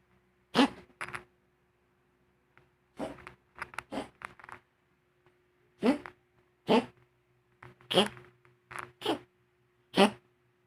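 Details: Female pet sneezing with her tongue out, which she has done for a long time: repeated short, sharp sneezes, often in quick pairs, about eight bursts over ten seconds, with a steady background hum.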